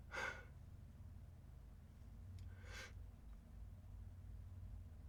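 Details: Two short, sharp bursts of air about two and a half seconds apart, in a quiet room: sneezes.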